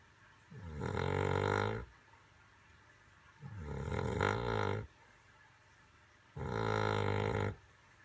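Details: Snoring during sleep: three loud, long, rumbling snores of about 1.3 seconds each, separated by quiet pauses; heavy snoring.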